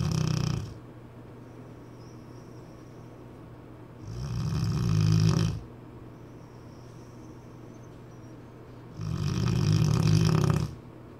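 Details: Cane Corso dog snoring: loud deep rumbling snores on each breath, roughly 16 breaths a minute, over steady background hum; snoring.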